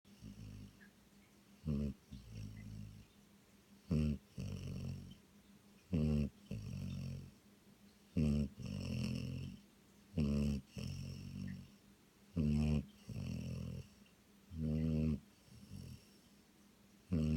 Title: snoring